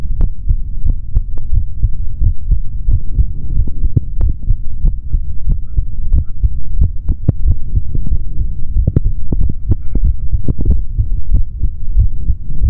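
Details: Male normal heart sounds through a stethoscope: steady, regular thumps at roughly 85 beats a minute over a low hum.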